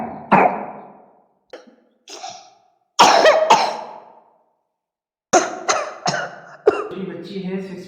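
A very young infant gives about nine short, sharp coughs in clusters over eight seconds, each falling away into a brief breathy tail. A whimpering cry follows the last coughs. This is an infant's cough during a flu-like illness of one to two days.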